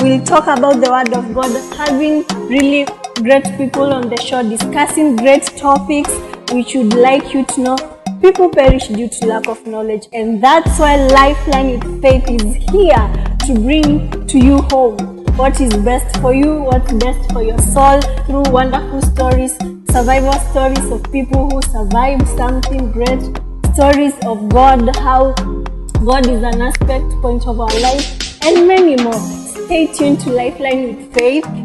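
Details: Adult female speaker; fluent speech.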